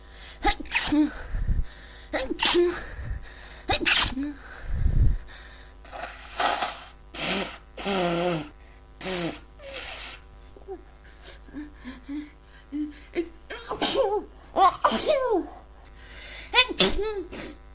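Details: Adult with a congested head cold: a run of repeated sneezes, each preceded by a sharp in-breath, with nasal stuffiness.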